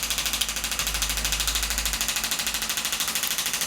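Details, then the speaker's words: Radial shockwave device firing over the hamstring tendon origin at the ischial tuberosity with gel, for hamstring tendinopathy, 2,500 pulses at 12 Hz and 2 bar: fast, regular mechanical tapping, about 12 pulses a second. "Shockwave therapy for hamstring tendinopathy. For this condition we're going to use 2,500 pulses, starting off at a frequency of 12 Hz and an energy of 2 bar."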